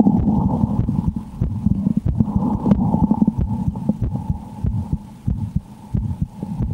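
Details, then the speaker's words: Heartbeat heard through a stethoscope on the presenter's chest while playing a frightening horror game: muffled low thumps under heavy rustling, rumbling contact noise and a steady hum. "So I'm going to be plugging in the stethoscope in a little bit, and from then on you're gonna listen to my heartbeat whilst I'm playing this horrible horror game, Slender, 8 pages."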